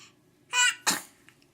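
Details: A single sharp sneeze: a brief voiced intake followed by an explosive noisy burst.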